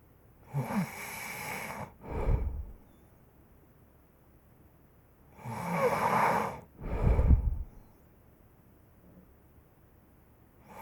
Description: 5 minute clip of snoring.